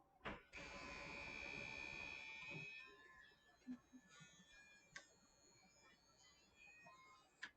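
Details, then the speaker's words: Electric clippers briefly buzz, shaving fur on a back leg of an anesthetized female patient (ketamine induction, intubated, isoflurane 2%) to place a Doppler probe for heart-rate monitoring. "We are going to shave a back leg with our clippers."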